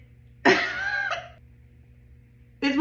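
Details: After eating Carolina Reaper hot sauce with hiccups coming on: one harsh, voiced cough-like burst lasting about a second, a second burst starting at the very end; cough.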